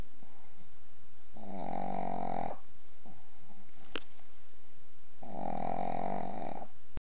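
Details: Sleeping pug (flat-faced dog) snoring for one minute: loud rumbling snores about a second each, with quieter breaths between; snoring.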